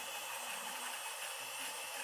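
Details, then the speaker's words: Dental drill buzzing out loose IRM (temporary filling placed over decay under the crown) during root canal access on tooth 18, exposing dentin; steady high-pitched whine of the drill removing old filling material. "And if it's loose, we kind of don't really want it there. So in this case, I'm going to kind of just buzz it out of"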